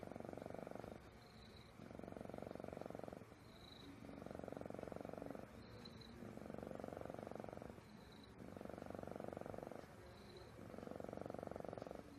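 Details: Sleepy pet cat napping at 5:49 in the morning: steady rumbling snores on each breath, about 27 breaths a minute, with quiet gaps between them; ordinary sleep snoring.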